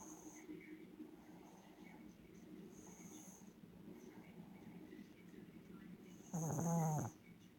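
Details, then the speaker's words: Sleeping dog snoring: low rumbling breathing noise throughout, ending in one louder snorting snore. "The dog is sleeping. Snoring away."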